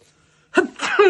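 A single acted sneeze by an adult: a sharp breathy burst followed by a voiced release.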